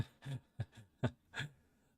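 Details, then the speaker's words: Cat possibly about to vomit: five short, rhythmic, guttural hacking bursts in about two seconds, with wheezing noted in the background; retching before vomiting. "she's about to upchuck or something my cat that is I don't know if you can hear wheezing in the background"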